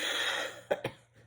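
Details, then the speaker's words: Adult who believes her bronchitis is returning gives two short, harsh cough bursts after fading room noise; cough. "Voilà, vous avez entendu ma toux? La bronchite, je crois qu'elle refait une petite apparition."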